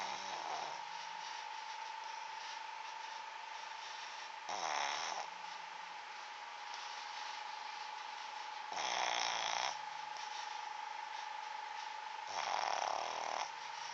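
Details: Snoring during sleep: three harsh, rattling snores about four seconds apart, roughly 15 breaths a minute, over a steady background hum; ordinary snoring.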